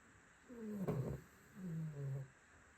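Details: Cavalier dog snoring: two low, rumbling, throaty breath sounds with a rough vibrating quality.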